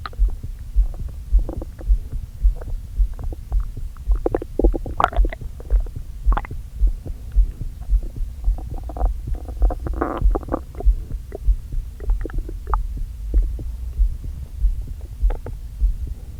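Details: Borborygmi recorded with a microphone on the stomach of a person with an aching stomach after eating brunch too quickly following a long fast: low gurgling and bubbling rumbles over a steady throbbing background.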